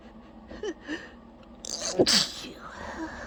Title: really trying to hold back messy, itchy sneezing fit